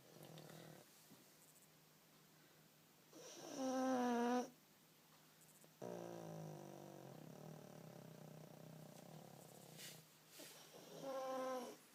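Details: Pug sleeping after a long walk: noisy snores with a whistling, snorting edge alternating with quieter stretches; snoring in a short-nosed dog.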